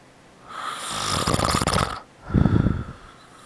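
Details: Father asleep, giving two loud, rough breathing sounds, the first long and rattling, the second shorter; snoring.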